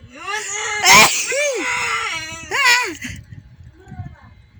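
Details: Two loud, forceful sneezes, each after a drawn-out voiced 'ah' build-up; sneezing.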